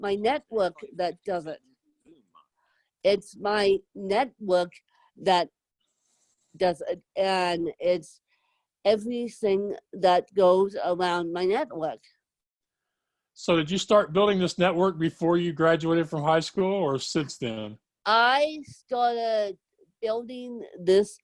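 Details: Adult woman with self-described moderate to severe cerebral palsy who needs help 24/7; dysarthric speech from cerebral palsy.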